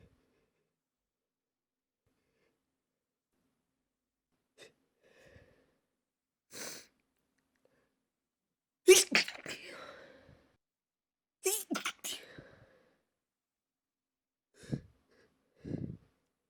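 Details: Adult having an intense stifled sneezing fit: about four or five stifled sneezes, each a sharp burst after a quick inhale.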